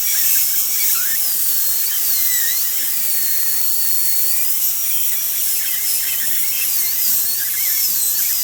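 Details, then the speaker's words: High-speed dental handpiece with a 330 bur following the groove to remove decay for an amalgam (silver) filling: steady high-pitched whine with slight pitch dips as the bur meets the tooth. "All right, so this is my 330 burr. We're gonna go ahead and remove the decay."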